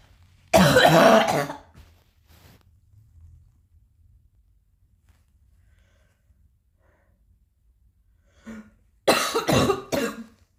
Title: still coughing a little